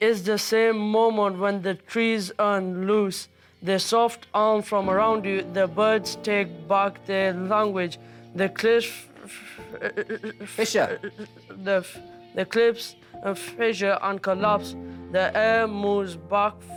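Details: Year 11 male student with a severe stammer that seems to have worsened with anxiety, reading aloud while hearing music through headphones as a fluency technique, some repetitions remaining; stuttering.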